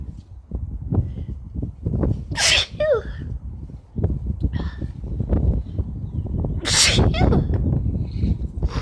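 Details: Sneezing after painting in a bathroom, with allergic irritation and tearing on a warm spring day around 85 degrees: two forceful sneezes a few seconds apart over heavy outdoor wind noise.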